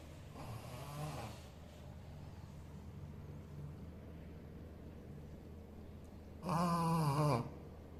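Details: Sleeping Shih Tzu dog snoring: a low, buzzing snore on one breath, a quieter one earlier, and steady room hum.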